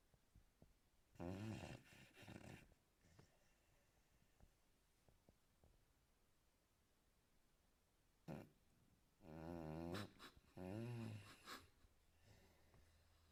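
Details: A sleeping American Staffordshire Terrier gives several loud, rattling, buzzing snores, some in quick pairs, between quiet stretches of breathing in a small room.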